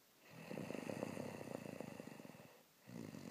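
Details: Person recording their own snoring during sleep: two low, rattling, fluttery breaths, one long and one starting at the end; typical snoring.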